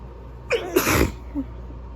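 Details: Single forceful sneeze, a sharp in-breath then an explosive burst in a quiet room, from a person who is sick and having a sneezing fit.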